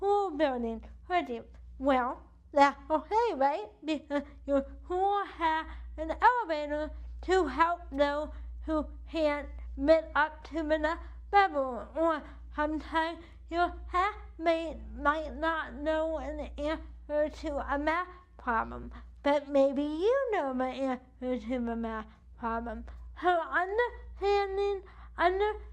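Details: Dysarthria due to cerebral palsy in an adult woman whose CP affects the right side of her body, impacting her speech and movement; she uses a wheelchair.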